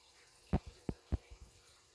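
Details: Pug snoring while sleeping with eyes open: a few short snorting snuffles from a small flat-faced dog in a quiet room.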